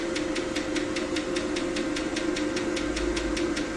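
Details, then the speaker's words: Mini Pico laser tattoo-removal handpiece firing via foot switch during operation demonstration after changing working head: steady sharp ticks about five a second over constant machine hum. "Okay, and the same operation. Press the foot switch."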